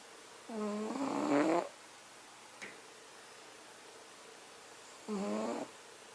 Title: Cat snoring while he sleeps